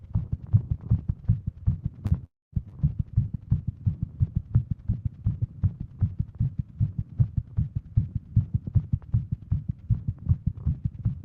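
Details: Adult female with WPW syndrome, sitting at desk on phone; fast, steady pounding heartbeat, Apple Watch showed rate over 150, pounding all day; tachycardia.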